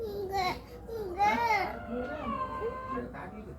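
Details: A young child whimpers and cries in a small room, the crying rising and falling; the child has a cough and has been eating candy constantly.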